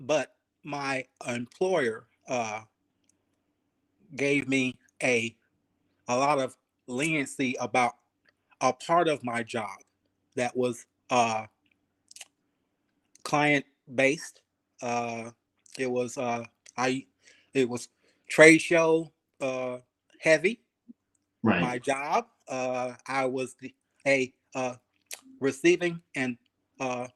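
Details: Aphasia in a 52-year-old male ischemic stroke survivor, speaking 3 years after his stroke; he is still working on his speech, thinking about every word, syllable and cadence.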